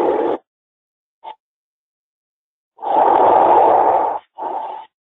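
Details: Soft, even airflow noise in breath-like bursts, auscultated across chest areas on a virtual simulated patient in a nursing training session; normal breath sounds.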